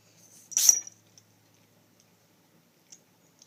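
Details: Scottish Fold kitten sneezing, recorded on an iPhone 4S: one brief, sharp, hissing sneeze followed by quiet.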